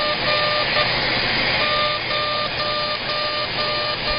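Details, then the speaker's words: CO2 UltraPulse laser in fully ablative mode, aggressive facial resurfacing at 100 millijoules and density six during a face lift: faint intermittent beeping tones under a loud steady suction hiss. "inous encore CO2 Ultra pulse laser we're using the fully ablative mode and we're going to do a pretty aggressive treatment here 100 millijoules and a density of six"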